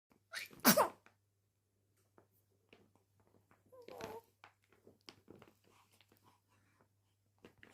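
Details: Baby: one sharp sneeze, then soft breathing and small baby sounds in a quiet room; sneeze.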